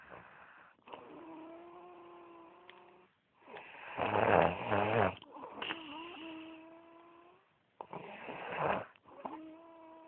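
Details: Person snoring at Oban: repeated loud snores, some whistling and some rough and rattling, with each breath.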